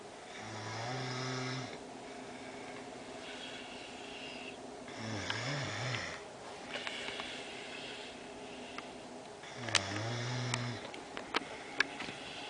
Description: my younger brother snoring.